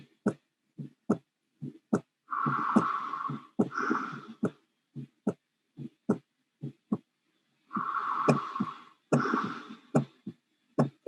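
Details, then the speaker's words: Aortic stenosis ejection systolic murmur recorded at the aortic area, often conducted to the carotids: regular heartbeat near 72 a minute with a rough systolic murmur between beats, breath sounds in background. "you can hear the breath sounds in the background and you can hear the ejection solid murmur and often it's conducted to the keratins"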